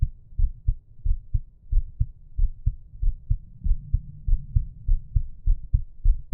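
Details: Steady paired heart thumps at about 95 beats a minute, a normal resting heartbeat, from a resting heartbeat and breathing recording.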